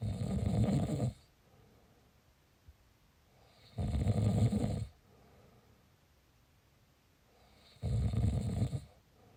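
Loud rattling snores on each breath in, about three in nine seconds, quiet between; ordinary snoring.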